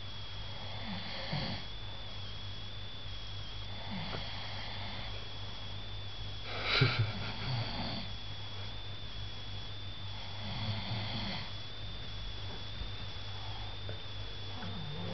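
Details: Soft, rough snoring breaths, about four over fifteen seconds, under steady electrical hum and room noise; light snoring during sleep.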